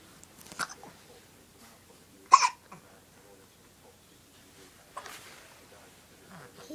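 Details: Brief, abrupt hiccups, about three over several seconds, against soft background noise; a girl with hiccups.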